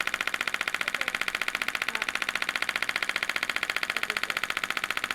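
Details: Adult woman with plantar fasciitis for over 3 years, radial shockwave applied at the medial heel where the plantar fascia attaches, louder head: rapid, very regular loud clicking pulses about 128 per minute; radial shockwave therapy device pulses.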